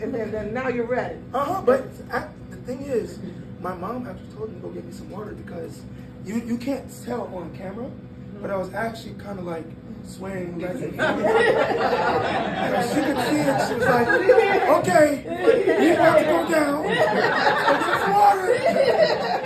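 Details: Breathy voice in a 22-year-old man from incomplete vocal fold closure (glottic insufficiency), linked to extremely premature birth at about one pound, with lungs and vocal cords developing as he grew; the cords still don't close fully.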